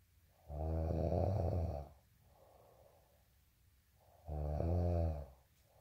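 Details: Snoring: deep, vibrating snores on each in-breath with a soft out-breath between, about 15 per minute.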